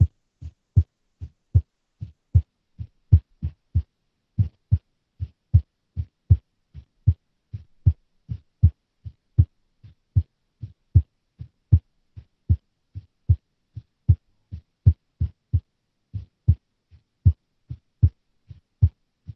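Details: Female resting heartbeat described as unstable and abnormal, near 78 a minute, with uneven spacing and varying loudness between beats: an irregular rhythm with abnormal beats.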